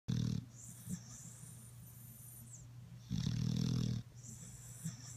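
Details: Dog snoring: deep, rumbling snores with a whistling breath between them, about every 3 seconds.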